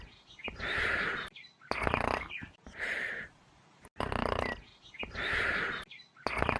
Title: BUBBA BUBBAPHANT SNORING SOUND EFFECT (SMILING CRITTERS) (POPPY PLAYTIME 3) (PLAYTIME CO)